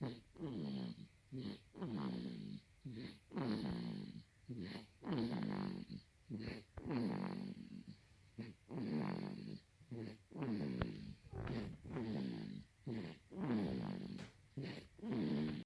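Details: Baby snoring: rhythmic, low, rattling snores with each breath, about 36 a minute, in a quiet room.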